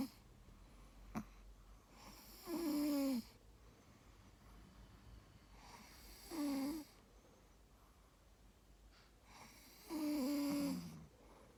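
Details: Sleeping female dog: three loud, rough, rattling snores on the in-breath at about 16 a minute, with quiet breathing between them in a small room; snoring.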